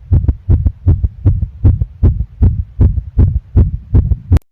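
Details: Rapid, regular paired heart sounds at about 158 beats per minute during a heart test with ECG: a fast heartbeat, tachycardia.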